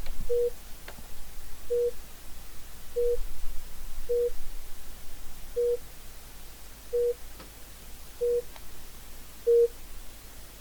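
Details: Steady, short monitor beeps at about 48 a minute over faint room noise, from the ReSimulate Android app simulating a patient monitor with ECG lead II tracking heart rate.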